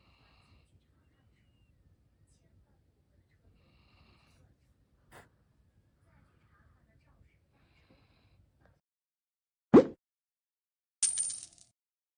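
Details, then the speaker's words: Dog sleeping: quiet breathing with faint whistling snores, then a loud snort and brief noisy snuffle near the end. "们听听我们家这个睡觉的呼噜声。一个狗睡觉能睡成这样，也是绝了。"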